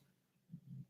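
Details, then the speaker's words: Pet dog snoring pretty loud in the background during a live tarot reading: low rumbling snore from a sleeping dog, two short pulses close together, faint in a quiet room; snoring. "dog's snoring pretty loud, so you might hear it in the background."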